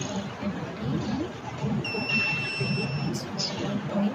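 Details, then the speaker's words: Buzzer of a prototype pre-epilepsy seizure alarm bracelet (temperature, heart rate and SpO2 sensors) triggered by abnormal readings, with red LED and caregiver alert: a steady high electronic tone for about a second over room chatter. "if the sensor detect the abnormal ability of the patient the red led starts to light up and the basel starts to make noise and automatically an emergency alert is sent to the caregivers"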